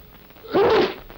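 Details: A staged sneeze in a public information film on coughs and sneezes, showing how to sneeze into a handkerchief: a single short, voiced, muffled sneeze against quiet room noise.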